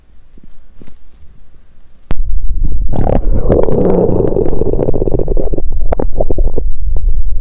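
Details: Active bowel sounds (borborygmi) from a woman's abdomen on day 2 of her period, during abdominal pain. A quiet start, then loud, continuous low gurgling and rumbling with bubbling pops.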